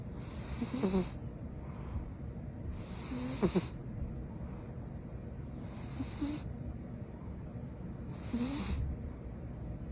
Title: Cat snores loudly